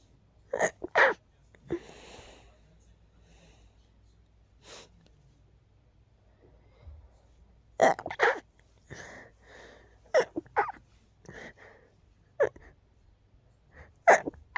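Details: Sneezing just before falling asleep, described as a tickle and not rapid this time: several short, sharp sneezes in bursts with quiet gaps and soft breathing between.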